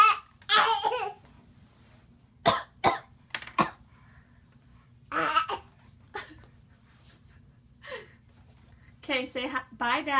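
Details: Young child (Benson) fake-coughing on request: several short, forced voluntary coughs between bits of talk and laughter; deliberate simulated cough, not illness.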